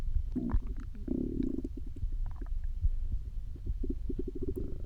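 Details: Stomach growling after almost 24 hours without eating: continuous low rumbling with squeaky, gurgling pulses from an empty stomach.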